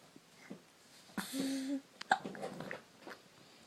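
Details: Hiccups: short, abrupt jerky sounds with a brief vocal noise between them, in a quiet room.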